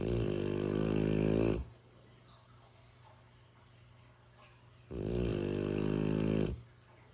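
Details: Sleeping mastiff dog snoring: two long, loud, buzzing rumbles separated by quiet pauses, about twelve breaths a minute.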